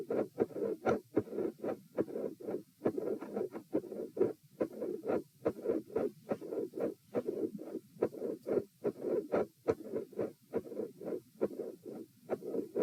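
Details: Heart sounds recorded at position E: regular heartbeat near 70 per minute with a soft rushing mid-systolic murmur between the heart sounds, from a patent foramen ovale or atrial septal defect.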